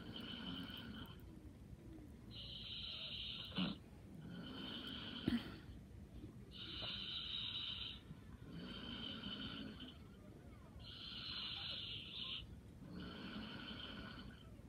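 Light, steady snoring, with a hissing nasal snore alternating with softer breaths, about 15 breaths a minute.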